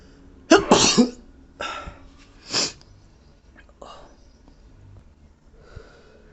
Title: Powerful allergy sneeze fit